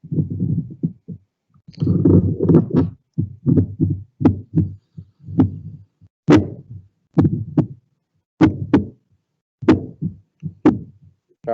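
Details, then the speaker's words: Repeated low thudding heartbeats through a stethoscope placed on the left chest of a care-home patient during a remote video consultation; clear normal heart sounds with occasional sharp handling clicks. "Perfect, that's nice, clear heart sounds."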